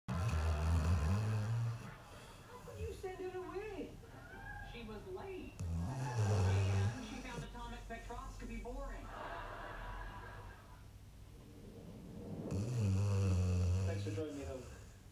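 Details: Woman snoring in a drama scene: three loud, deep rumbling snores about five seconds apart, with speech and room sound between.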